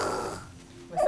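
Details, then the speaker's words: A rough, noisy breath fades into near quiet, then a louder snorting breath starts; snoring in a restless-sleeping child with Down syndrome and obstructive sleep apnea, with pauses in breathing noted. "was an extremely restless sleeper all over the bed at night she would end up in bed with me sometimes or vice versa and i just thought how in the world can this girl be getting any sleep because it was so um just all over the place all night and a lot of snoring"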